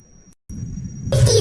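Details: Simulated tinnitus: a high, steady ringing tone over a low rumble, the ringing, whistling or buzzing sound some people suddenly hear in their ears.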